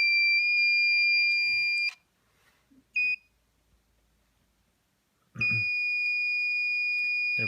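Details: Loud steady high-pitched electronic tones, a pause with soft clicks, then the tone again: a Bodyguard 323 Color Vision infusion pump beeping as it powers on after its administration set is loaded.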